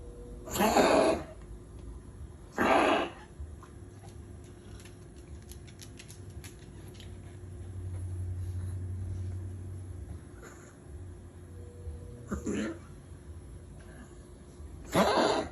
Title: Rambie is struggling to breathe. Almost. Wheezing cough.